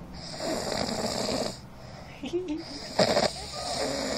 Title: Ronquidos de año nuevo bien ondeado